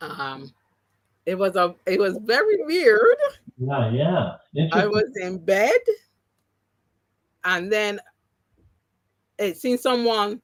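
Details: Adult woman after three strokes (2017, 2018, 2019), the first haemorrhagic, causing loss of speech and right-sided paralysis; speech regained, some words never returned; mild aphasia after stroke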